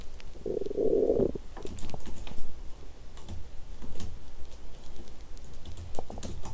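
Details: Woman's bowel sounds after exercising on an empty stomach, with nausea and cramping abdomen: a loud low gurgling rumble, then softer scattered gurgles and clicks, stomach growling.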